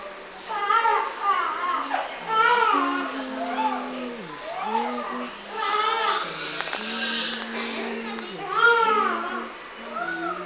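Sustained rising and falling wails from an infant, with brief pauses between cries; an ordinary infant cry.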